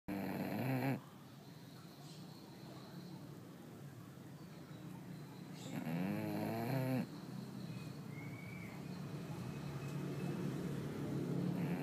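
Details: Loud, rough, rattling snoring with low fluttering inhalations and snorting breaths from a short-nosed bulldog; snoring.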